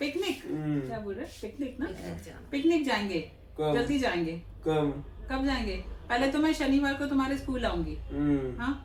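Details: Adult woman speaking to a child; plain speech.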